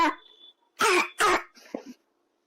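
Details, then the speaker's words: Child's barking cough of croup, a viral upper-airway infection: two harsh, hoarse, seal-like coughs like a dog's bark, then a softer sound. "Number three पे होता है barking corp. के croup infection में होता है और इसमें बच्चे की आवाज डॉग की पार्किंग जैसे लगती है।"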